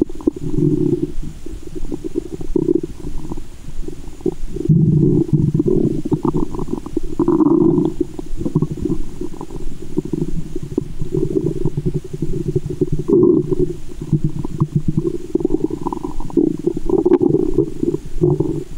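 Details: Loud, continuous low gurgling and rumbling with some sloshing, heard through a stethoscope at a woman's belly button after candy and fizzy soda: active bowel sounds (borborygmi) in a staged ASMR recording.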